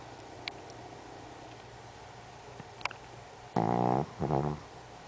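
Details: Maggie, a former rescue (Pomeranian rescue, adopted 2009), snoring: quiet room, then two short, loud, buzzing snorts close together.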